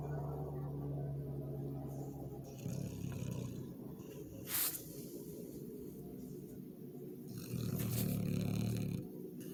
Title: snoring doggo